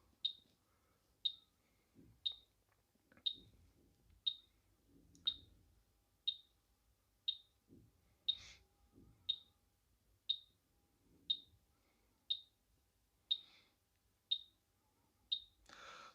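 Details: Short sharp high beeps, about one per second, in a quiet room as a BTL Class 3 physiotherapy laser therapy machine signals treatment in progress, probe advised within 6–7 cm of the skin.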